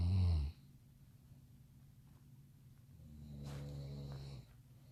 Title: Son can't sleep because dad snores